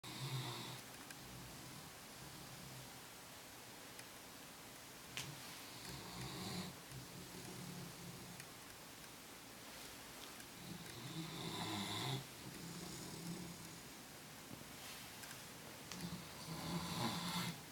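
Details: Soft, rhythmic snoring with slightly wheezy in-breaths, about 11 breaths a minute, in a quiet room; ordinary snoring.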